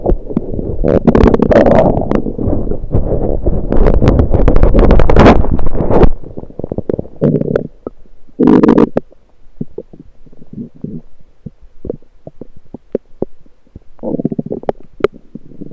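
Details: Loud, frequent gurgling and rumbling from the lower intestines, recorded with a USB electronic stethoscope on the abdomen, then scattered softer gurgles and clicks; active, normal bowel sounds.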